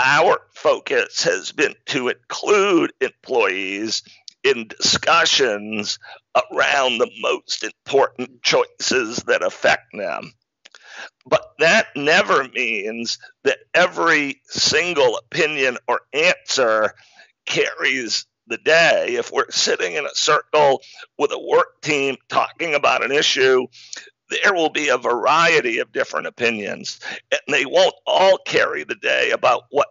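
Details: Adult man with spasmodic dysphonia, a rare neurological speaking disorder causing partial voice loss; onset around 2010, diagnosed 2012, much improved over a decade though still affected: spasmodic dysphonia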